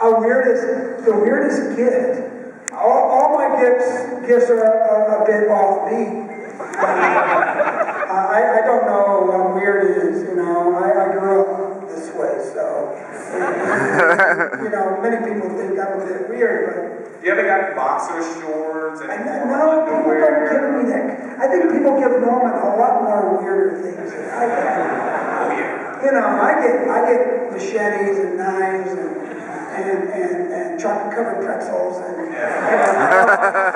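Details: Breathy, rough voice in an adult male with unilateral vocal fold paralysis after a neck injury from a clothesline at about age 9; one vocal cord bowed, one paralyzed, with excess air escape; voice unchanged since.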